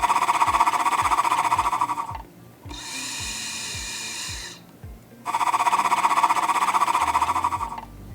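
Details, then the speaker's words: Acapella oscillating PEP airway clearance for cystic fibrosis, done seated at a table with a 3-second breath hold: a rapid flutter of about 4 per second on each exhalation, with quieter pauses while inhaling. "Make sure you take medium-sized breaths and do about 10 to 15 of these breaths. Make sure that the rocker arm is fluttering well."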